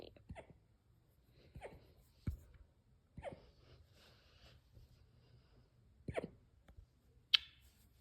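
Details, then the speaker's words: Dog's hiccups: about six short, abrupt gulping clicks at irregular intervals over eight seconds in a quiet room. "No, you can't stop hiccuping."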